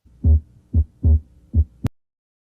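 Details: Normal heart sounds heard by stethoscope at the pulmonary area (second left intercostal space, left parasternal line): regular low thumps in clean lub-dub pairs with no added sounds.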